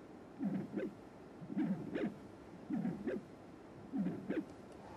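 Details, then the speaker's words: Transthoracic echocardiography, pulsed-wave tissue Doppler with the sample volume at the mitral annulus. Rhythmic whooshing at about 52 per minute shows isovolumic contraction, systolic, isovolumic relaxation, e′ early diastolic and a′ velocities. "and you can see here the velocities of the mitral annulus so here is the peak of the isovolumic contraction here this the systolic velocity here is the peak of the isovolumix relaxation time and here is the e prime velocity which is the the early diastolic velocity and the a prime velocity"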